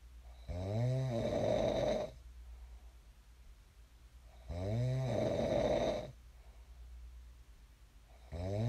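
Regular deep rattling snores on inhalation, about 15 breaths a minute, separated by quiet exhalations; steady snoring during sleep.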